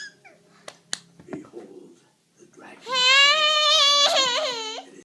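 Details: Baby who has hiccups: a few soft sounds and sniffs, then a loud, sustained, high-pitched wail with a wavering end; infant crying.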